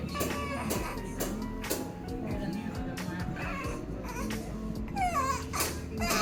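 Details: Brief crying and fussing from a 5-day-old newborn girl during her first chiropractic adjustment, while hips, tongue and mouth are checked; left hip reported rotated, gassy with hard belly. Loud background music and adult voice; infant cry.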